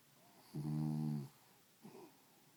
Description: My dog snoring